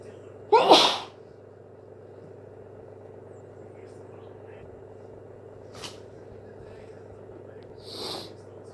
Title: Wet hayfever sneezes 🤧